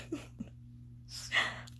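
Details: Pet with hiccups: two quiet, abrupt hiccup sounds followed by a short breathy rush of air.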